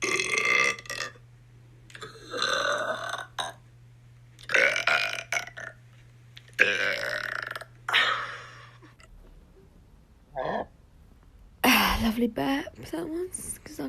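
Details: Compilation of girls burping: about six loud burps from different people, some long and croaky, with short laughs and talk between them; burping.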